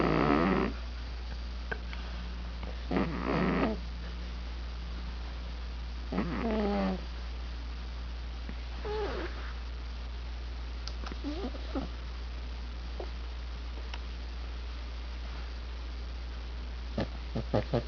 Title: One eyed snoring kitty